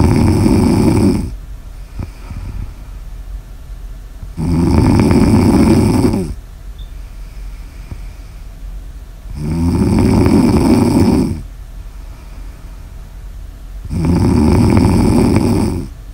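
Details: Snoring ASMR audio recording: loud, deep, rattling snores about every five seconds, about 13 breaths a minute, with quieter breathing between; heavy sleep snoring.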